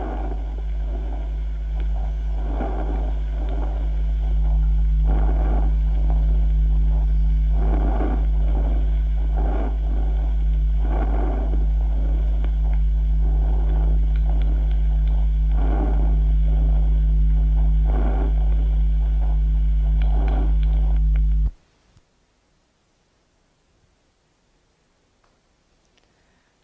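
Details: Bronchovesicular breathing heard on chest auscultation, from a classical lung examination teaching recording.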